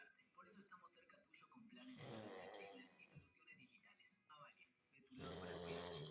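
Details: Snoring.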